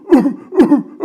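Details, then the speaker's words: An adult imitates croup cough in a respiratory examination lecture: two short, harsh barking coughs like a seal. This cough may accompany inspiratory stridor and signifies upper airway obstruction. "and it may be accompanied with a coffee might call a crew peak off that sounds a little bit like The Barking of a ceiling"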